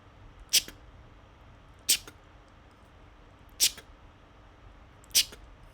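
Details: Adult man, voiceless in hospital because of a cuffed tracheostomy, makes the click he used to get attention and ask for help; non-verbal attention-getting click sound (voiceless communication with cuffed tracheostomy).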